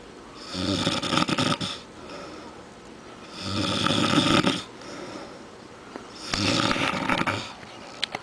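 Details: Adult man asleep after a night of drinking, three loud rattling snores about three seconds apart, roughly 20 breaths a minute, with quieter exhalations between; heavy snoring.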